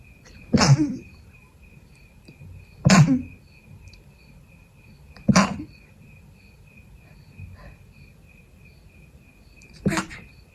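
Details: Stifled sneezing during an illness, still sick with the fever gone, with a persistent nasal tickle: four short, muffled sneezes a few seconds apart in a quiet room.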